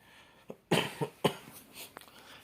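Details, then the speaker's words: Several short, harsh coughs from an adult with fever, cough and runny nose for over three days; a feverish cold. "ini sudah tiga hari lebih ya ya keluarnya panas batuk pilek gitu ya lagi musim sekarang ini"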